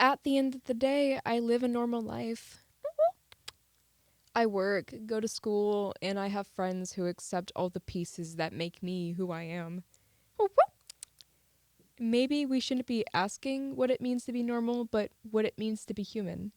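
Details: Woman with Tourette syndrome, repetitive tic sounds between sentences; vocal tics (Tourette syndrome).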